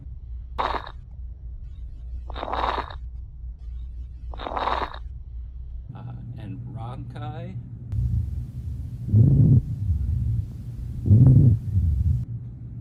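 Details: Wheezing lung sounds heard on stethoscope auscultation during a nursing respiratory assessment, listening above and below the clavicles and down the chest and back.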